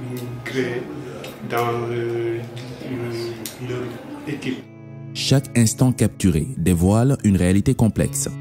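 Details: Young Senegalese man who stutters, a political science doctoral student who coordinates a stuttering association in Dakar; stuttering.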